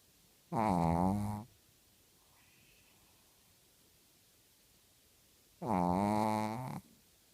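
Two long, loud, rumbling snores about five seconds apart, with quiet between breaths; ordinary snoring.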